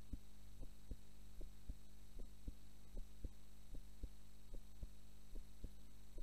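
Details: Normal heart sounds recorded during a nap, the subject having fallen asleep during recording: regular soft paired thumps at about 77 a minute over a steady low electrical hum.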